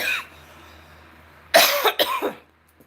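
A short burst of two or three dry coughs after a moment of quiet, from an adult with a dry throat.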